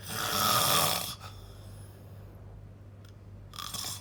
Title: Snoring loud